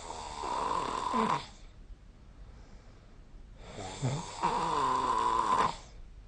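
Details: Snoring of a sleeping person recorded with the SnoreLab phone app.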